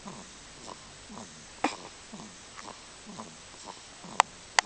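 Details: Sleeping cat snoring quietly: soft rhythmic breathing with faint snuffling on each breath, then a few sharp clicks.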